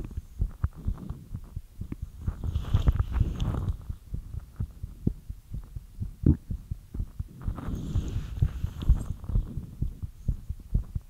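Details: Rapid, steady low heartbeat thumps at roughly 120 to 130 beats a minute after light exercise, with bursts of rustling; fast heartbeat after exercise.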